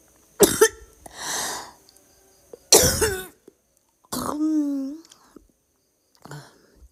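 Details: Young woman (cewe) coughing and vomiting: several forceful coughing bursts with a harsh breathy gasp and a voiced retching-like groan between them; repeated harsh cough.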